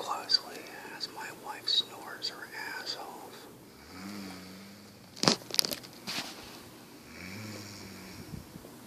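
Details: Adult woman asleep: whispered talk, then two slow, low, droning snores on the in-breaths, with rustling between; snoring.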